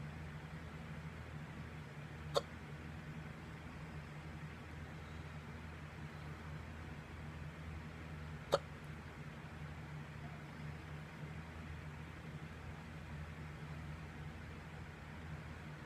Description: For some reason the past year now if I get up too fast I get hiccups lol weird.